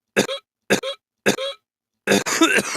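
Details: Adult cough attack: three short, sharp coughs in quick succession, then a longer harsh cough with throat clearing.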